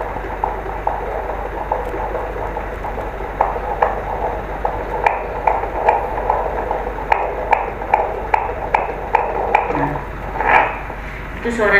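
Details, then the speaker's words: Fetal heart on Doppler during antenatal check, breech pregnancy, fundal height 29 cm: rapid regular pulsing whooshes at 143 beats per minute, normal fetal heart rate (normal range 120–160). "anak ibu ya 143 kali per menit nah untuk bunyi jantung tadi dianggap normal loh ya Karena penelitian itu kisaran normalnya 120 sampai 160 ya"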